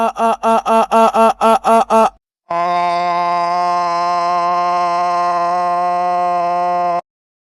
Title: mri sound #siemensmrimachine